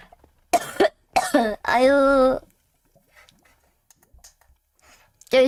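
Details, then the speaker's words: A girl, live on microphone, gives a few harsh, loose coughs, then a drawn-out voiced hawking sound as she spits phlegm; a productive wet cough clearing phlegm from the throat. "그럼 나 가래 뱉는 소리 들렸어요? 죄송해요. 더러운 모습을 보였네."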